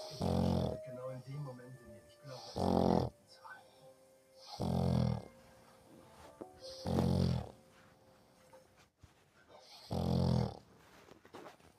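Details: Loud, low, rumbling snores in a steady rhythm, about five in the span, with quieter sounds between them; regular snoring in sleep.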